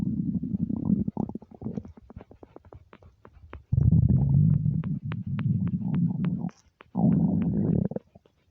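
Loud, long, low gurgling rumbles broken by rapid bubbling pops; normal hunger bowel sounds on an empty stomach.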